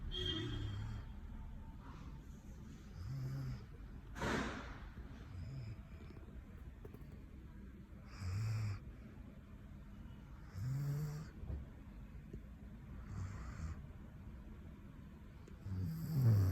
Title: #germanshepard#snoring Caught my dog snoring 😴 deep sleep cutest ever❤️😘